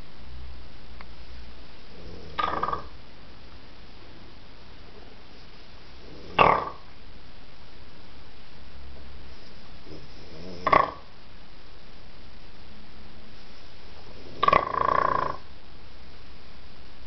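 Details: Snoring or sleep barking during sleep after a night of drinks: four short snorting, rasping noises about every four seconds over a steady room hum.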